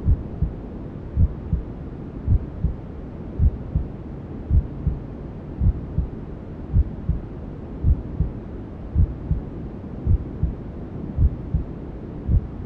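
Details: Newborn sleep-aid ASMR: steady low heartbeat thumps, about 54 a minute, under constant soft white-noise hiss, imitating a mother's heartbeat and the womb sounds a fetus hears; heartbeat with white noise.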